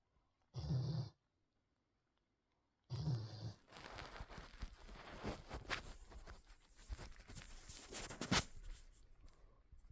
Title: Bear snoring